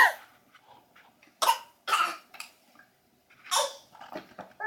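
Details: A young girl gives several short, deliberate coughs on request; an ordinary voluntary cough.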